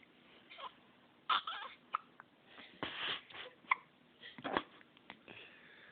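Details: 1-day-old newborn boy: several brief, abrupt gulp-like catching sounds in a quiet room; hiccups.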